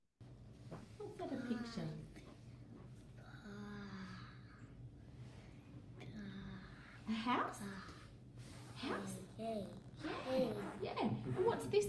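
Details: FOXP2-related childhood apraxia of speech in a boy naming pictures; slow, monopitch, monoloud speech with sound substitutions, omissions, vowel errors, warming up toward targets; childhood apraxia of speech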